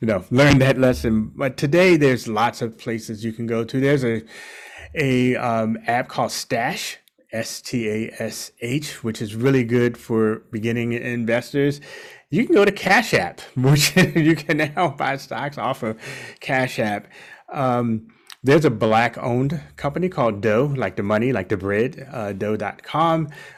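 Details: Adult male speaker; normal speech.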